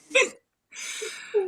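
A single sharp, voiced hiccup, then a soft breath; an ordinary hiccup.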